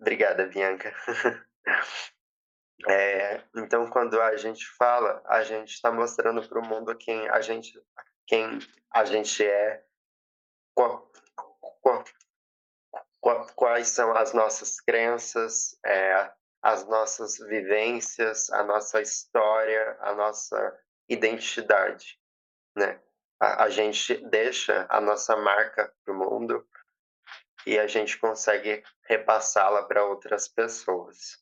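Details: 20-year-old woman who has stuttered since age 7, with past speech therapy, nervous and fearful during a public talk; heavy word and part-word repetitions; stuttering.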